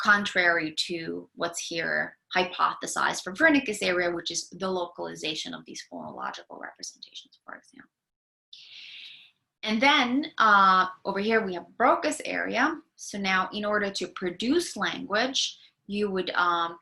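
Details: Adult lecturer; none.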